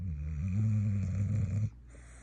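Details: A sleeping female dog snoring: one long, deep, buzzing snore on a breath that ends abruptly; the owner wonders if she needs a CPAP and a sleep study.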